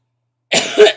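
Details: Adult with chronic illness and asthma complications, sick with bronchitis and taking steroids (prednisone), voice and coughs audibly affected; bronchitis cough.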